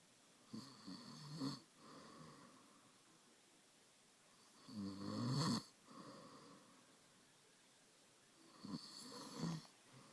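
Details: Loud, rough snoring on inhalation at about 15 breaths a minute, three snores with quiet exhalations between; ordinary snoring.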